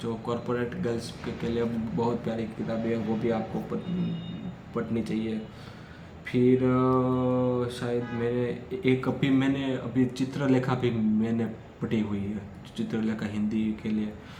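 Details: Adult male who stammers, recording Day 5 of a daily speech practice routine for stammering, speaking freely in continuous-speech practice; stuttering.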